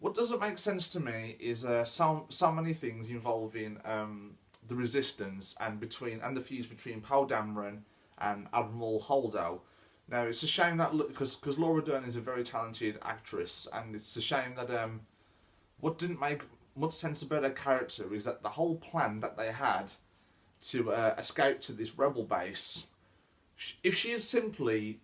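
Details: Stuttering (stammer) in a male speaker who reports he stammers.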